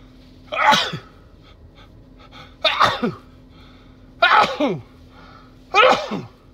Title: More cold sneezes.